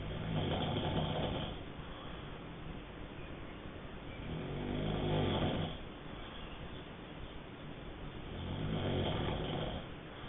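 Slow rhythmic rough snoring breaths, about 15 a minute, rising and falling with each breath over steady background noise.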